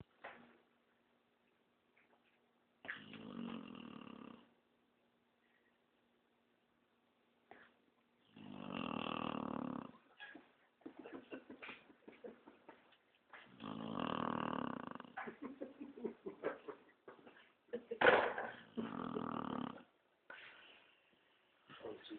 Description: Dog Snoring. Funny things dogs do.